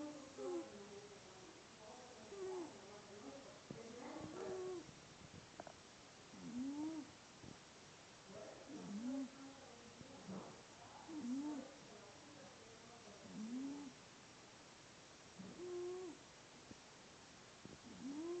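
A cat makes squeaky, whistling wheezes with each breath, about 27 per minute, signalling narrowed airways.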